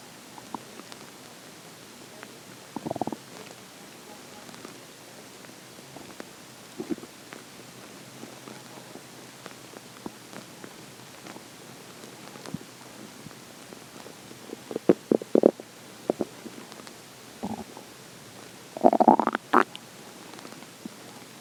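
Intermittent gurgling and rumbling bursts from the abdomen, ordinary hunger-related bowel sounds.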